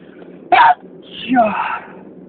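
Two quick sneeze-like bursts, a sharp one followed by a drawn-out one; ordinary sneezing.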